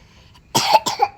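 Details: A feverish baby, whom the mother describes as ill with fever and cough, gives two short, harsh cough bursts in quick succession.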